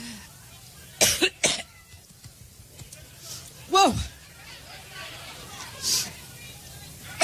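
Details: Sharp, dry coughs in quick succession with a throat clear and a brief voiced sound, heard while speaking at a Cleveland rally over faint crowd noise; the speaker jokes about being allergic; coughing fit.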